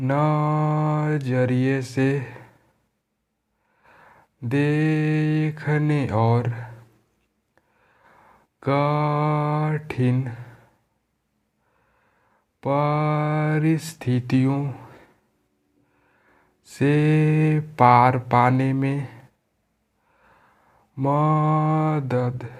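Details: Adult man who formerly stammered, demonstrating the air-flow breathing technique he practises daily while reading aloud; stuttering fluency technique (air-flow breathing).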